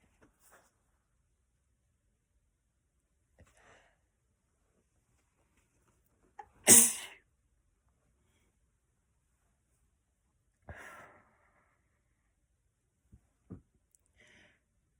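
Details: Girl, one sharp, explosive sneeze with faint breaths and small sounds around it in a quiet room; single sneeze.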